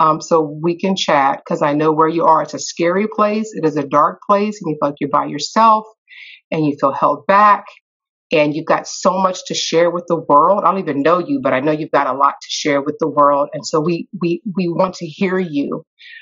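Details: Adult who stutters, real speech, with personal experience of the shift from covert to overt stuttering; stuttering.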